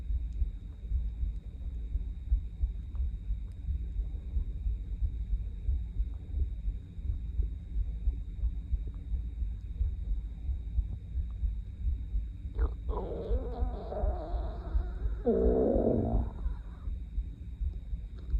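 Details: Loud hunger stomach growling at 7 am after more than 20 hours without eating, audible without a microphone: after low background rumble, a drawn-out gurgling, squeaky growl lasting a few seconds; normal borborygmi.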